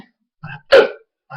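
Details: Male's loud hiccups occurring on their own, not exaggerated: one loud, abrupt voiced catch between quieter vocal sounds.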